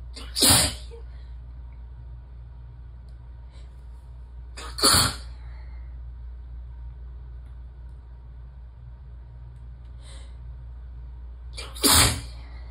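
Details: Sneezing fit while relaxed and warm in the tub: three loud, mostly uncovered sneezes several seconds apart against quiet room hiss.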